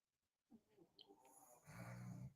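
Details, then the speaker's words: Two pets wrapped up asleep and snoring: after a quiet pause and soft shuffling, low, rough rumbling breaths, heard as a small dog snoring. "so that's Lois and Theo snoring their little heads off wrapped up"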